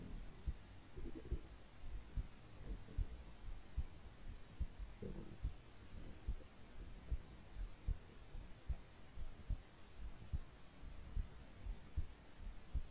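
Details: A hungry stomach growling: low rumbling and gurgling with soft repeated thumps; normal gut sounds (borborygmi).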